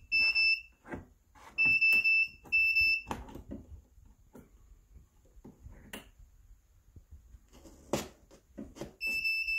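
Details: Loud, high-pitched electronic beeps in repeated bursts, with clicks and handling noise between them, from the alarm of an Aeonmed Shangrila 510 transport ventilator.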